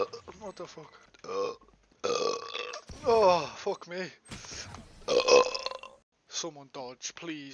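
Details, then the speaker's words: Man on a live stream burping: several loud, long, rumbling voiced belches in a row separated by short pauses; repeated burping, from a burp compilation. "Oh my god, the burp compilation is going to go crazy, bro."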